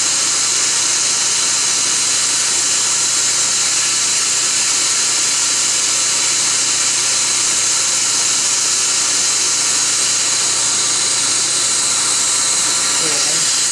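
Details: Laser-assisted root canal on upper bicuspid tooth #12 — laser access, canal debridement, disinfection and drying before sealing: continuous loud high hiss with steady hum from dental laser and suction.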